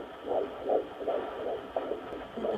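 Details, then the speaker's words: Fetal Doppler at a 17-week midwife visit in an IVF (ICSI) pregnancy: rapid, regular whooshing pulses at 154 bpm, described as perfect, with the heart valves heard opening and closing. Normal fetal heartbeat. "that's the heartbeat 154 it's perfect there we go you can actually hear that's the heart valve's opening and closing"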